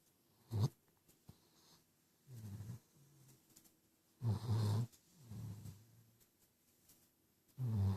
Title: Rubbing Zeus to sleep (He's Snoring lol)